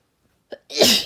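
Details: Deliberately induced sneezes (F) with a nose blow: a short breath catch, then one loud, hissing burst of air through the nose and mouth; a single sneeze.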